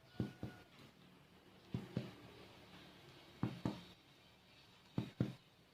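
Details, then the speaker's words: Lung physical exam on an adult male patient, percussing all lung-field points from apex downward: four pairs of quick, low, hollow taps in a quiet room; normal resonant (sonor) percussion note. "perkusi yang pertama kita akan melakukan perkusi semua titik di lapangan paruh dimulai dari atas dari avex ke bawah jadi normalnya suaranya akan Sonor"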